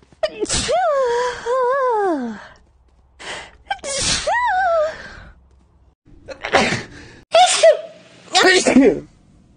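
Several voiced sneeze-like bursts with drawn-out rising inhalations before them, some possibly exaggerated or performed.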